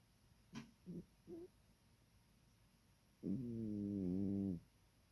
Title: Epic Cat Snoring